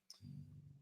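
A brief click, then a low, steady rumbling breath sound, a short snore from a sleeping large dog.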